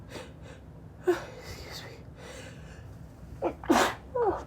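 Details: Woman having allergic sneeze fits, which she suspects come from air-conditioning filter dust, deliberately making her sneezes high-pitched rather than natural: a quick in-breath, then a sharp sneeze with breathy after-sounds.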